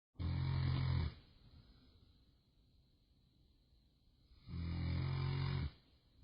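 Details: Two deep, loud, rumbling inhaled snores about four seconds apart with quiet breathing between; heavy snoring.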